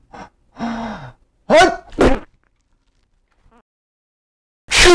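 Several gasping in-breaths lead into two forceful sneezes in quick succession, then a pause and another sneeze starting at the end.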